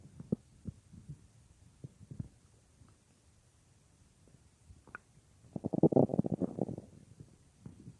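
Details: Real recording of a woman's own stomach, which she says sometimes gets loud, made for a roleplay: quiet gurgles and pops, then a longer bubbling rumble; typical stomach growling (borborygmi).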